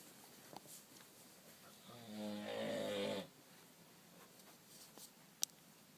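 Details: Father asleep: one loud rattling inhaled snore of about a second, surrounded by quiet room noise and faint clicks: snoring.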